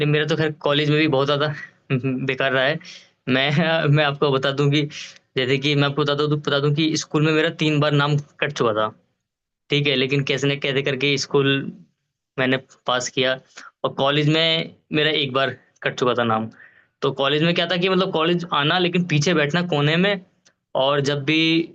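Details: Adult male lawyer who has stammered since childhood, with blocks and repetitions when speaking in front of people; uses TISA techniques. Finding: stuttering.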